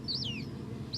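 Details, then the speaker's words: High, thin whistling squeaks of a reintroduced hazel dormouse snoring while asleep; normal sleep sound. "this is one of over a thousand dormites which have been successfully reintroduced in England and Wales and that Whistling noise that's the sound of a Dormouse snoring"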